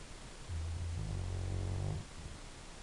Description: Elvis the silver lab snoring. He's a good boy.